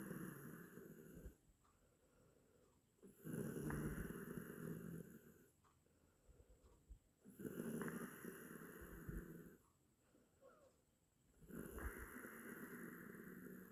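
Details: Rough, rattling snores on each in-breath with quieter out-breaths, about four cycles in fourteen seconds; from an 8-minute snoring sound-effect recording.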